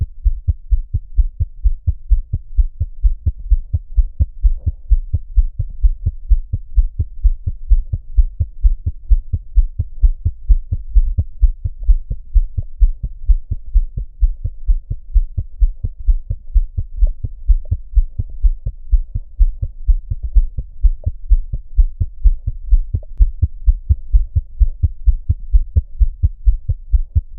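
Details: Fetal heartbeat recorded by Doppler device, rapid regular whooshing thumps about 128 beats per minute, played through a speaker vibrating a 2-inch metal dish of blood-mimicking fluid for cymatic visualization.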